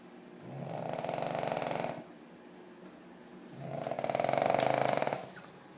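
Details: Dog snoring loudly: two loud, rattling snore breaths in about six seconds, a coarse fluttering noise on each breath in; snoring.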